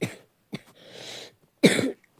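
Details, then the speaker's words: A short cough, a soft throat clearing, then a louder cough burst in a quiet room, from a man who says he is a little sick and hoarse; cough. "Excusez-moi, je suis un petit peu malade. D'ailleurs, excusez-moi parce que je suis un petit peu enroué. Donc, ma voix, c'est pas trop ça."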